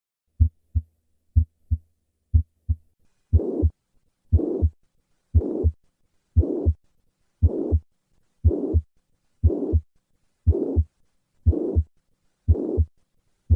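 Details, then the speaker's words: Mitral regurgitation: three normal beats at about 60 a minute, then a plateau-shaped holosystolic blowing murmur from the first to the second heart sound; teaching recording. "so the classic murmur of mitre regurgitation is plateau-shaped and holosystolic extending from the first heart sound all the way to the second heart sound"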